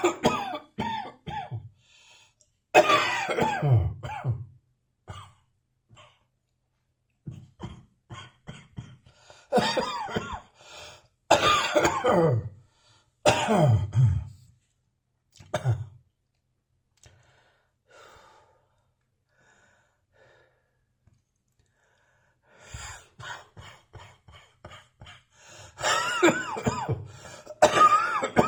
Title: Residual Dry Cough with Slight Wheeze